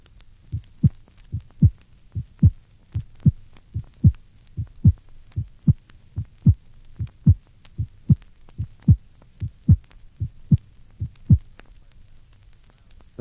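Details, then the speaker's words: Patient with a prolonged PR interval of 0.20 seconds: regular heartbeat about 75/min with a soft first heart sound, noticeably softer than the second. "listen to a soft first heart sound on a patient with a prolonged PR interval of 0.20 seconds"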